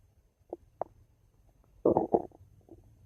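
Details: Ordinary bowel sounds from the stomach: a few soft gurgles, then a louder bubbling rumble.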